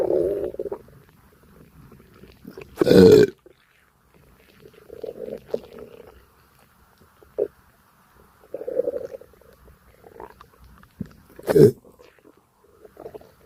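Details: Person's stomach digesting a light breakfast: low gurgling bowel sounds that come and go, with two louder bursts that sound like burps.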